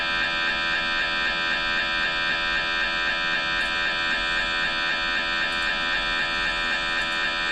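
Loud, steady mechanical buzzing with fast regular pulsing, about four pulses a second, typical of an MRI scanner running an imaging sequence.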